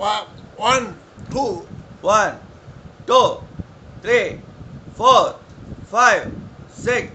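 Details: Male patient with puberphonia (persistent high-pitched voice after puberty) counting aloud one day after voice treatment. Finding: puberphonia, early after voice therapy.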